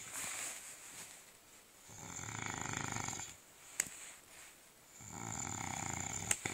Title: My fat housemate snoring won't wake up!